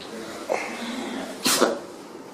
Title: Funny Sneezing Animals Compilation